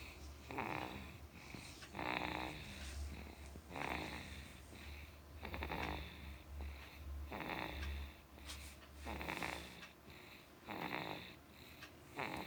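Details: Sleeping baby snoring: soft, rhythmic snoring, each in-breath rattling noisily, about 37 breaths a minute, with steady low room hum.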